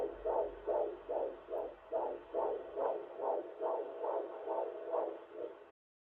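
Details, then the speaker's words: Rapid, regular whooshing pulses at about 143 a minute: fetal heartbeat on ultrasound Doppler at the 20-week anatomy scan in the second trimester, with a posterior placenta. "Is that the heartbeat? Yeah."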